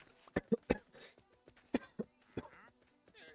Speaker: Sorry, I just coughed all in on stream when I know what I sound like when I cough. I don't entirely sound like a smoker coughing, which is good.